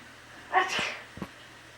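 A single sharp sneeze burst followed by a brief snort, from a small animal; an ordinary sneeze.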